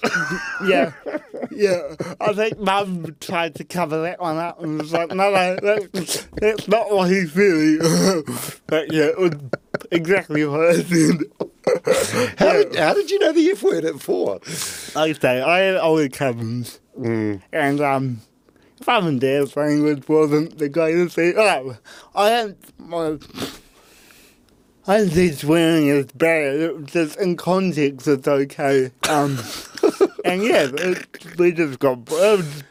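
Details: Adult man with cerebral palsy; his parents were told at birth he would never walk or talk; intensive therapy from birth to age six for walking and talking; dysarthria (cerebral palsy).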